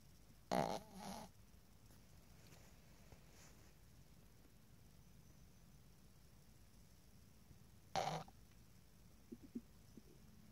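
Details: Sleeping pug snoring: two loud, rough snoring breaths several seconds apart over quiet room noise.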